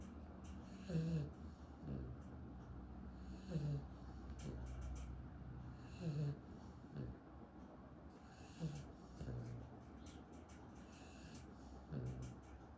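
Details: Labrador snoring soundly while asleep on his favorite couch in the morning: soft, regular snorting breaths about every 1.3 seconds, near 23 a minute, over a quiet background hum.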